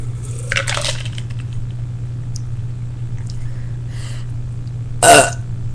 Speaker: I burped, but it was a small one.